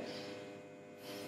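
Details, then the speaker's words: Patient taking deep breaths on request during chest auscultation in a respiratory examination; single deep breath of soft airflow noise, good bilateral air entry; normal vesicular breathing. "So what on auscultation what we have to see is whether bilateral air entry is good. So air entry in this patient is good bilaterally"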